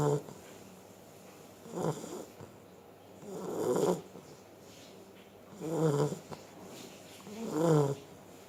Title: PONGO, the snoring Beagle,all Beagle dies in life is to snore